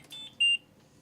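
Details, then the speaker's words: Short high-pitched electronic alarm tones in a quiet room: ventilator high pressure alarm in a child with a tracheostomy, a sign the trach tube may be partially or completely plugged. "if your child is on a ventilator a high pressure alarm may sound"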